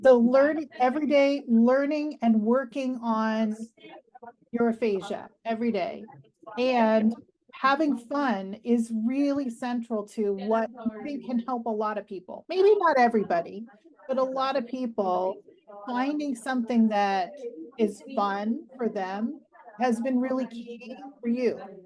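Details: Adult woman speaking; normal speech.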